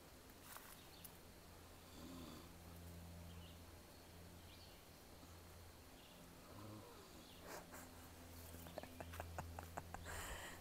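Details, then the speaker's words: Snoring from a man sleeping after a rough night on a camping trip, heard while he stays asleep; snoring. "he probably hear me that I think he's snoring oh my God you want to hear it yeah he's snoring"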